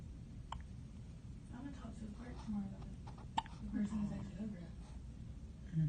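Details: One-day-old newborn girl having her first hiccups: two brief, sharp catches over low room noise and soft voices; newborn hiccups.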